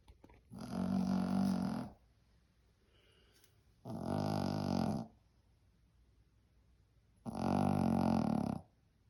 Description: Filming my Yorkie sleeping but keeping others awake.